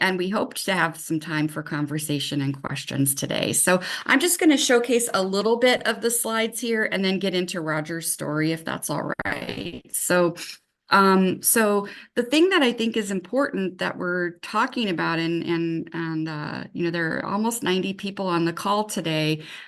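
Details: Adult woman speaking; normal speech.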